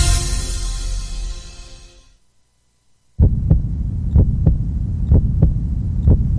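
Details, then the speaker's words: Donor heart kept beating outside the human body by machine until transplant: regular low thumps at about 60 a minute after a brief musical lead-in. "listening to the sound of an actual heart beating outside of a human body thanks to modern technology a doctor can now keep a donor heart beating until it's ready to be transplanted into its recipient"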